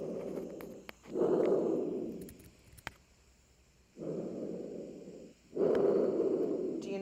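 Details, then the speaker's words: Normal tracheal breath sounds, airflow heard at the easiest site over the windpipe, played as a teaching example for dysphagia screening of breath sounds for silent aspiration. "we're not listening for clicks and clunks we're listening to the airflow so the easiest place to hear it is right here"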